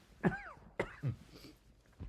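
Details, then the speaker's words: Adult with a mild cough during narration: three short, abrupt cough or throat-clearing bursts heard faintly in a quiet room. "I have a little bit of a cough going on here so excuse me if you hear these coughing noises in the background"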